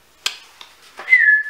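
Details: Person with a Tourette-like tic disorder, on what they call a very ticky day, alongside word tics: a whistling vocal tic.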